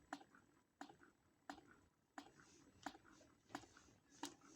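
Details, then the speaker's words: Electric single hands-free breast pump with massage effect, newly assembled, running at low power (user notes power can be increased): regular clicking suction pulses about 88 per minute in a quiet room. "можемо зробити більшу потужність прилад працює"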